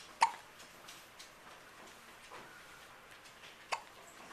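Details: Young child with hiccups, recorded on a Flip Video camcorder; two sharp, brief hiccup sounds about three and a half seconds apart in a quiet room while the mother talks to the child.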